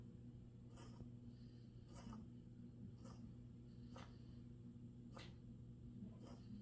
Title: Cough